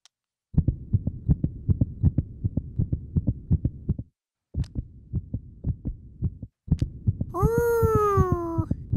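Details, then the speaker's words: Cartoon heartbeat (animated monkey character at a doctor's visit, listening to his own heart): rapid regular thumping through a stethoscope, about 160 beats a minute, ending with a sliding tone; simulated cartoon sound effect. "I use it to hear things that I can't see [Music] that's the sound of my"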